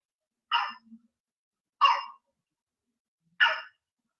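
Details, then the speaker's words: Baby's cough: three harsh, hoarse, seal-like coughs with pauses between, like a dog barking; barking cough, a worrying sign in a child. "this basically is a, sorry, this is a barking cough. Uh, this is a barking cough which is seen."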